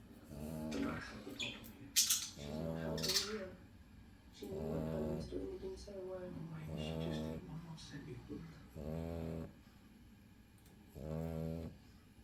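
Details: Pug snoring: irregular snorting, rumbling breaths with grunts, about one every 2 seconds.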